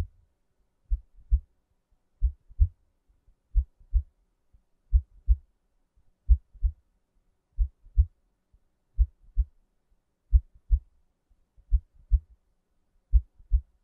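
Steady paired low thumps, lub-dub, at about 44 beats a minute; a slow, regular heartbeat.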